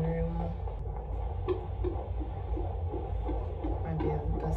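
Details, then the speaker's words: Fetal heartbeat on handheld Doppler at a prenatal doctor's visit: fast, rhythmic whooshing thumps of about 150 a minute under a low hum, from a baby girl who is very active and keeps moving away from the probe. "Hold on, baby. I gotta find her first. Yeah, she's very active."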